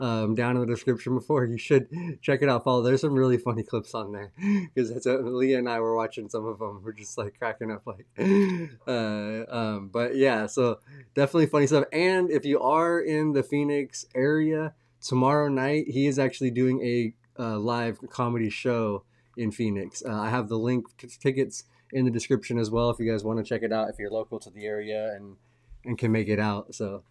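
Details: Adult host speaking; normal speech.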